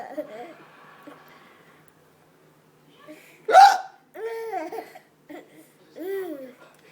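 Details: Adult woman's hiccup, heard with a 19-month-old child: a single sharp, sudden hiccup followed by laughter and playful vocal sounds.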